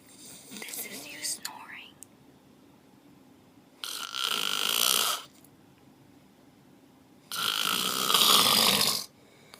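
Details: Light, whistly snoring: two long, hissing, airy snores several seconds apart, with faint rustling before them.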